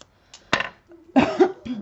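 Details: Single brief, sharp adult cough followed by a short voiced throat sound in a quiet small room, during a crafting tutorial; speaker then excuses herself and mentions snoring audible behind; cough.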